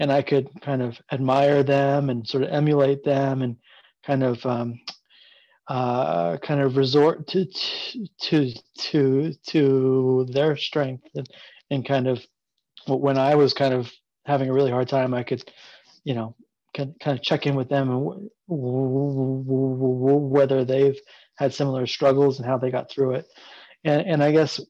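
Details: Adult man who stutters and has been open about his stuttering for about seven years, with repeated whole-word repetitions; stuttering.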